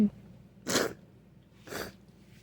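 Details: Person with a snotty cold: two short, hissing, wet-sounding sneeze bursts about one second apart, against quiet room noise.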